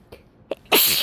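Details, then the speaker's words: Sneezing fit after sniffing a small amount of fresh chhinkni (sneezing powder): two quick inhaled catches then a sharp, loud sneeze, one of a run of repeated sneezes. "Okay. I can already feel them starting. Achoo!"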